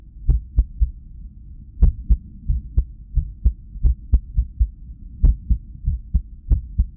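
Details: Resting cardiac ultrasound with heartbeat sound, recorded while arrhythmia occurred from lack of sleep; irregular heartbeat.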